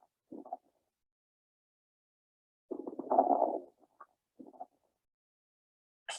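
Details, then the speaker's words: Lung crackles (rales): breath sounds with short bursts of fine popping and crinkling during each breath, played as an example of adventitious lung sounds. "crackles are indicative of inflammation or infection of the small bronchi bronchials and alveoli which can cause increased fluid in the lungs they can be described as either fine or coarse uh"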